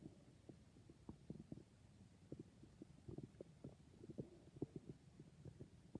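Soft, irregular gurgles and low rumbles from the belly, ordinary bowel sounds of gas and fluid moving through the gut.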